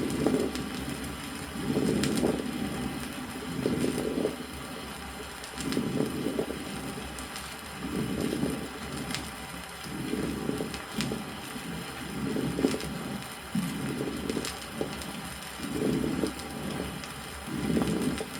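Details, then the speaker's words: 1964 Soviet educational auscultation record: rapid breathing with sonorous fine-bubbling moist rales (fine crackles) in pneumonia, heard on inspiration. "в зависимости от калибра бронка различают мелко средне и крупнопузырчатые хрипы А по своей звучности влажные хрипы подразделяются на звонкие и не звонкие послушайте влажные звонкие мелкопузырчатые хрипы при пневмонии на"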